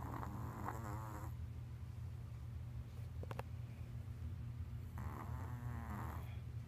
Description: This is my Chloe snoring....